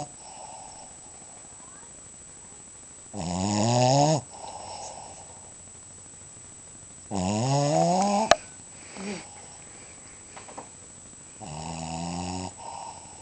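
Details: A dog asleep, snoring with loud, rough, rattling snores on inhalation, about three in thirteen seconds, with softer breaths between.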